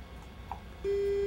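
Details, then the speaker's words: Steady electronic tone begins after the foot pedal is pressed: an Omnisense 8000S ultrasound bone sonometer starting a measurement on a calibration phantom placed on the probe. "it starts the test and you'll hear that audible sound until the test is finished"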